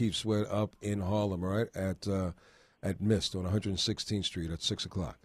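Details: Adult male radio host; Normal voice.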